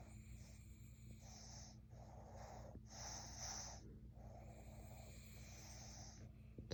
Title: Snoring away!